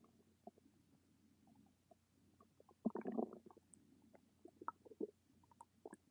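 Soft gurgling rumbles with a louder burst midway over a low steady hum; ordinary bowel sounds of stomach rumbling.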